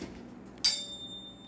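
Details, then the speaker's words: Struck tuning fork with a thin, high ringing tone fading during a Rinne hearing test on the right ear in an adult health assessment, after the Weber test; the patient reports when the sound stops, and hearing is judged very good. "now to the Ryan test tell me when this you can't hear the sound anymore"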